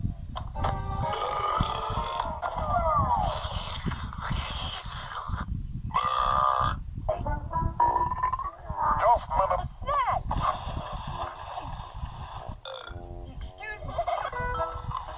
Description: Burps and big burps